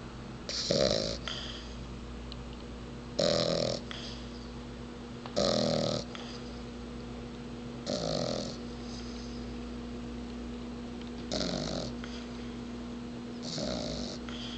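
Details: Little bulldog sound asleep: six rough, slow, slightly uneven snoring breaths over about 14 seconds, with a steady hum behind; snoring.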